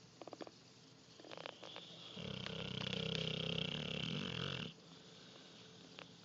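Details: Sleeping Neapolitan Mastiff: one long, loud, rattling snore lasting a few seconds rises out of quiet breathing and room noise, snoring.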